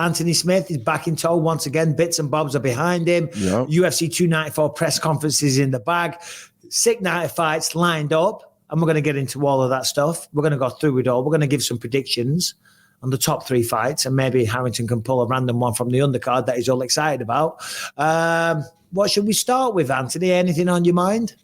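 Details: Adult man speaking; Normal speech.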